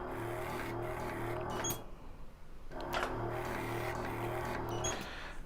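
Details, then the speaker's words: Micro-needle injector with 19 needles running with negative pressure (suction) during live hyaluronic acid skin treatment of a 27-year-old woman: steady motor hum, low drone, short gaps and faint clicks as it cycles. "and if you put the 19 MTI needles on H skin surface and then press the full switch we can't see anything on our skin surface"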